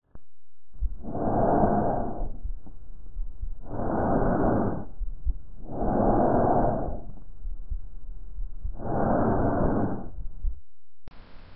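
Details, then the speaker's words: Loud, harsh tubular breath sounds of similar character on inspiration and expiration, heard over the larynx and trachea above the sternum: tracheal breath sound. "árbol respiratorio tiene el mismo carácter durante la inspiración y expiración y se oye como un sonido marcado en la laringe y en la tráquea sobre el esternón"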